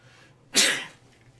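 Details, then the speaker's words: A single abrupt, hissing sneeze burst from a cartoon, replayed from a character sneezing uncontrollably while a friend complains about the nonstop sneezing: sneeze. "no what's wrong with you you've been sneezing all freaking why won't you stop he you just won't freaking stop sneezing"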